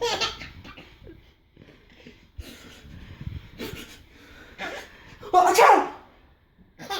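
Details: Adult (daddy) sneezes loudly and explosively while a baby bursts into giggles and laughter; ordinary sneeze.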